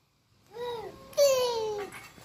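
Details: Child with profound hearing loss of 99 dB, now speaking in one- to two-word sentences after parents' guided home conversation practice, attempting a prompted phrase.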